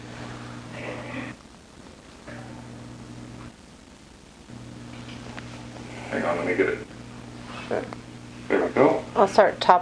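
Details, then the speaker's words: Bowel sounds from a female patient, heard with a remote stethoscope in the bottom left abdomen during a virtual hospitalist exam: electronic hum with gaps, then irregular gurgling bursts and squeaks; described as pretty gurgly, hungry; abdomen soft, non-distended. "bottom left good pretty gurgly in there today let's be hungry"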